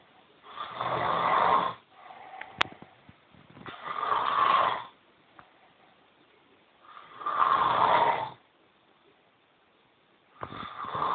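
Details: Loud rasping snores on each breath in, about 18 a minute, with quiet pauses between; ordinary snoring.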